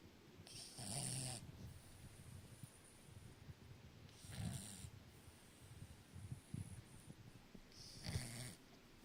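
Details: Dog deeply asleep in owner's arms, snoring; three slow, rumbling snores with a nasal whistle, about 4 seconds apart.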